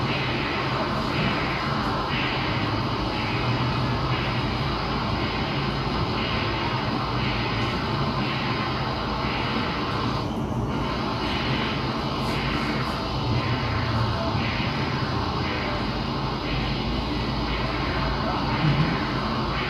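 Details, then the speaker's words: Transcranial Doppler without imaging (STOP protocol) in a child with sickle cell disease being assessed for stroke risk, distal internal carotid artery at 52–54 mm depth: regular pulsing whooshes about 80 a minute over a steady hum, a flow signal. "all right so that's second anterior cerebral artery recording we're now measuring the distal internal cared artery and that's also measured at 52 and 54 mm"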